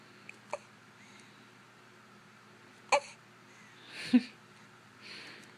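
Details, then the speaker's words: Newborn baby with hiccups: small, abrupt hiccup sounds a few seconds apart, with quiet room noise. "Got the hiccups? you got the hiccups?"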